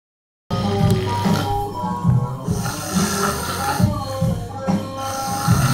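Loud, rhythmic low rumbling snores with a fluttering quality, repeating roughly every second over steady background noise; snoring.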